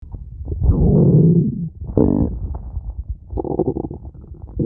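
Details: Stomach growling (borborygmi): low gurgling rumbles and squelching bursts rising and falling over several seconds.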